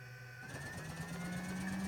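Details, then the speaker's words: High-frequency chest wall oscillation vest (Hill-Rom) inflating and vibrating for airway clearance in a patient with PCD, used alongside nebulizer medication: steady low mechanical hum with rising motor tone. "you can see the vibrations so it's like squeezing which of course makes it really easy to breathe how doing this"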